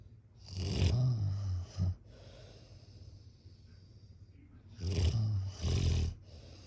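Loud, low rattling snores on each in-breath, about four seconds apart, with quiet breathing out between.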